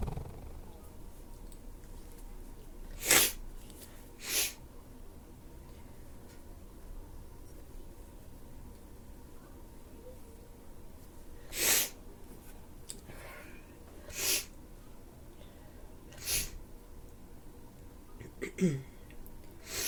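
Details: About six short, sharp bursts of sniffing and sneezing over a steady room hum, from someone with a stuffy nose: stuffy sneezes and sniffles.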